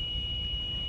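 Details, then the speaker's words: LTV 950 ventilator INOP (ventilator inoperative) alarm: a steady, continuous, high-pitched tone as the ventilator shuts down to a safe state; this is generated normally when the ventilator is switched off and does not indicate a problem. "silence the ennop alarm press the silence reset button and ennop alarm is generated as part of the normal process of switching the ventilator off and does not indicate a problem"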